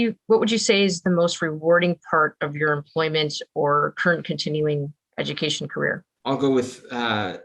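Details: Adult speaker asking a question, second adult briefly answering; normal speech.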